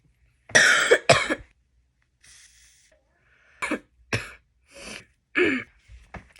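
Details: Series of about six harsh, forceful coughs with a throat clear and breaths between, from someone sick with cold sweats while crocheting; repeated coughing during illness.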